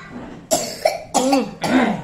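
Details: Young preschool child, sick with a sudden coughing attack at school and possible stomach pain: three sharp, harsh, rough voiced coughs in quick succession; a repeated coughing bout.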